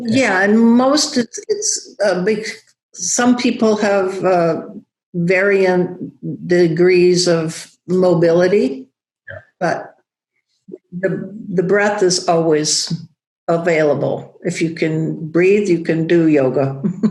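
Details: Woman, a yoga teacher, with non-fluent aphasia after a large stroke affecting Broca's area, rehabilitating through breath and OM; still has word-finding trouble and halting speech; non-fluent aphasia.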